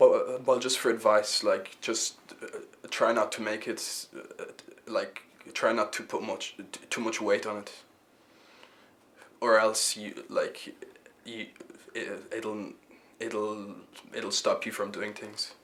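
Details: Stuttering with repetitions in a young male member of a youth theatre group for people who stammer; he says he probably stammers a bit less now than 10 years ago.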